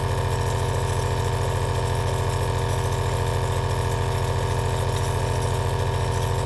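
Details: Aerosol nebulizer compressor running in a relaxing ASMR recording: a steady, low mechanical hum with a rapid, even pulsing buzz throughout.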